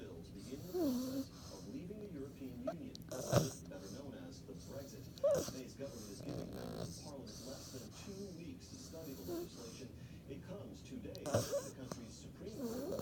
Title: Kizzy snoring